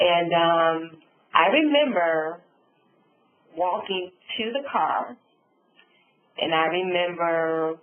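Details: Adult woman stroke survivor with aphasia and apraxia of speech after a subarachnoid hemorrhage and stroke, who reports sometimes being unable to think of words, speaking in a webinar; finding: aphasia with apraxia of speech.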